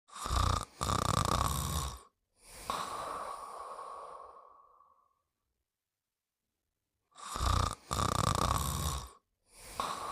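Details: Sleeping and snoring; loud rasping snore bursts separated by a long whistling exhale and a pause, a cartoon-style snoring sound.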